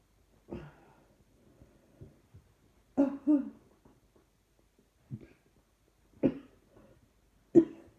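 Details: Persistent repeated coughing: a run of short, fairly soft coughs with small throat sounds and breaths between; trying not to cough seems to make it happen more.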